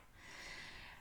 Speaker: je suis désolée si vous entendez mon chien il ronfle